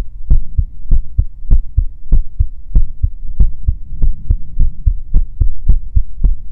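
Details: Steady paired lub-dub thumps at about 100 beats a minute over a low constant hum; a normal heartbeat in a female heartbeat ASMR recording.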